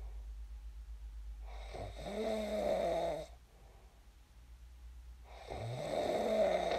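Two long, rough, rattling snores on the in-breath, separated by a quiet out-breath, with a low steady hum in the background.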